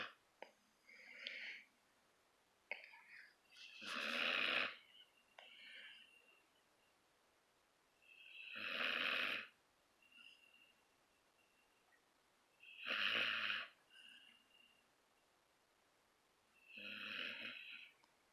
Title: Life's so hard - snoring Gus puppy 😊